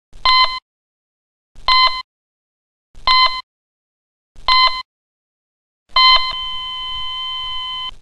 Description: A video effect of Heart Monitor